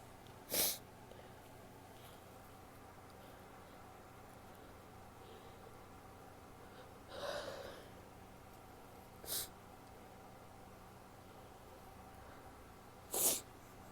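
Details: Woman sneezing with false starts and a nose blow: three short, sharp nasal bursts and one softer breathy snort against steady room hiss; sneezes and nasal snorts.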